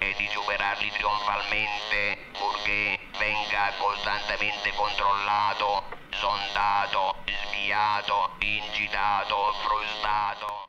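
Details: Acted electrolarynx speech by a character delivering a lecture in a 1963 Italian film scene, using an electrolarynx device.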